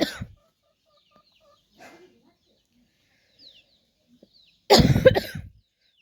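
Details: Real, repeated coughing from a cough that won't stop since catching a cold after a trip. A short cough burst, then a louder cluster of harsh coughs near the end, with quiet gaps.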